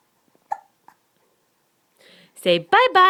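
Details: A short, sharp hiccup and a faint second one in a quiet room, then a child's voice; a girl laughing at her own hiccups.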